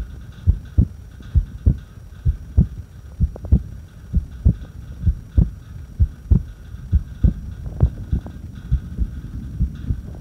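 Heartbeats at about 65 a minute with uneven gaps between beats during a held breath; an irregular heartbeat.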